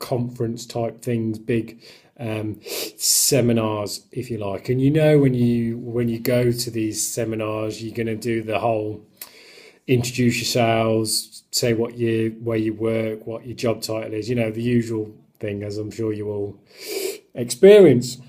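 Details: Adult who stammers; stuttering.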